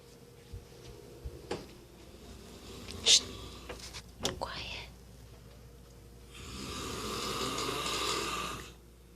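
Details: Father snoring "like a chainsaw" while asleep: faint room sounds, then one long, loud, raspy breath noise; snoring.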